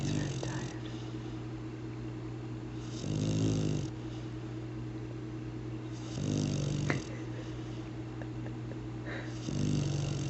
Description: our lab mix Shamus snoring on March 20, 2007.